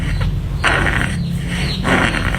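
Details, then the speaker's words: Infant (0–12 months) with halak, an upper airway rattle: coarse, bubbly rattling with each breath from transmitted secretions in the throat. Commonly due to overfeeding or drooling, with clear breath sounds over the back. "Ang pinaka-common na dahilan kung bakit may naririnig kayong plema ay halak. Yung halak naman ay marami din naman cause."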